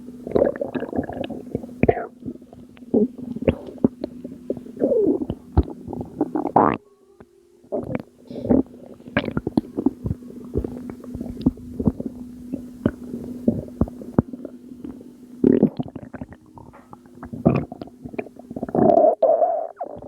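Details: Abdominal gurgling from a postpartum mother, attributed by her to postpartum water weight: repeated bubbly gurgles and squelching pops over a low steady hum.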